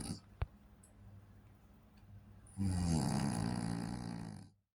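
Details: French Bulldog puppy (female) asleep, possibly dreaming: loud snoring with little grunts and deep snores.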